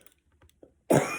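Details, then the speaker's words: Single sudden, harsh cough burst in a quiet room from a speaker who says their voice is hoarse. "Excusez-moi, j'ai la voix cassée."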